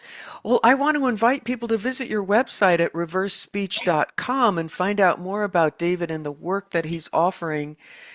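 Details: Adult speaker; typical speech.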